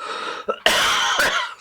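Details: Adult with a cough lingering over a week after illness clears the throat, then gives two forceful, rough coughs during a live stream; persistent cough.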